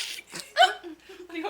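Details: Person with a prolonged, hard-to-stop hiccup attack: short bursts of breathy noise, then an abrupt, sharp voiced hiccup catch, followed by brief soft vocal sounds; hiccups.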